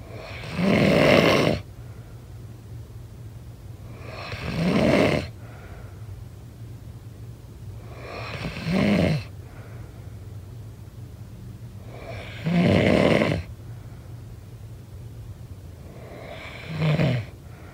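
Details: Snoring during sleep: loud, rough snores on each in-breath, about 15 a minute, with quiet pauses between.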